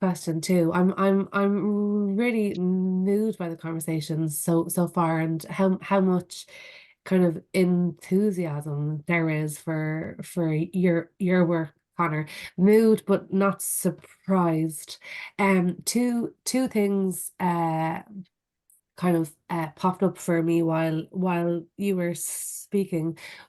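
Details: Stammering in an adult who stammers, with audible repetitions while asking a question in conversation.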